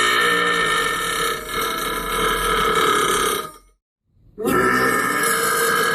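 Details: Two long, loud, droning belches separated by a brief silence, from a burping meme clip; burping.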